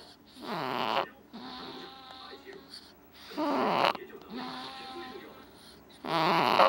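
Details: An infant: repeated noisy breaths with a rattling, vibrating quality on both inhalation and exhalation, about two cycles; snoring.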